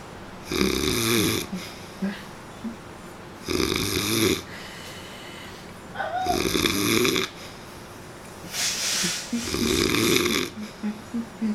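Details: Person snoring: loud, rough, rattling snores with each breath, about four cycles in ten seconds, separated by quiet pauses.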